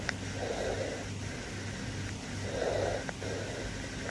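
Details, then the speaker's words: Normal bronchovesicular breath sounds on the posterior thorax over the major bronchi, T1 to T4: moderate pitch and amplitude, inspiration and expiration equally long. "On the posterior thorax, you should hear bronchovesicular sounds over the major bronchi from T1 to T4. These sounds are moderate in pitch and amplitude, last equally long on inspiration and expiration, and sound like this."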